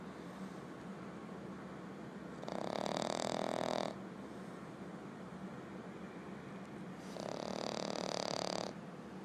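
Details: Sleeping French bulldog gives two long, rattling, noisy snores on the in-breath, about 13 breaths a minute, with quiet breathing between them.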